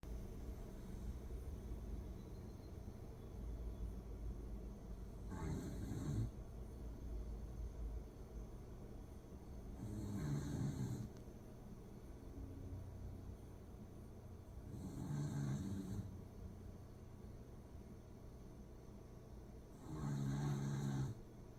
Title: corgi snoring away